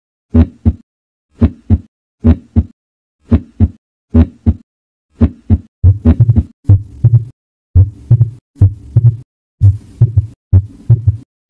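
Regular paired lub-dub heartbeats at about 60 a minute; later beats become fuller, with added low rumbling between them.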